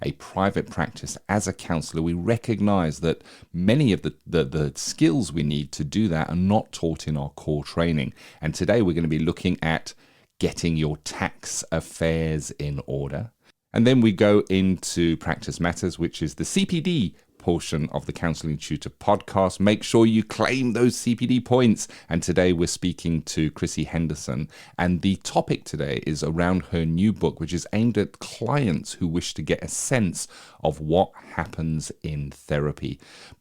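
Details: Adult man; normal speech.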